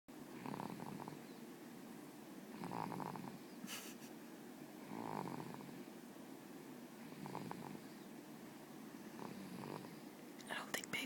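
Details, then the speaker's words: Baby boy snoring while asleep: soft, rough snoring sounds with each breath, about 27 breaths a minute, over faint room noise. "are supposed to snore. But this one does."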